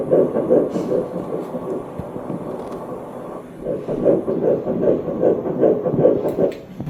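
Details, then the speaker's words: Fast, regular whooshing fetal heartbeat on ultrasound at 153 beats a minute, reported normal, in early pregnancy (embryo about 1.3–1.38 cm). "콩닥콩닥잘뛰고있고박동수는현재153회정상으로잘뛰고있습니다."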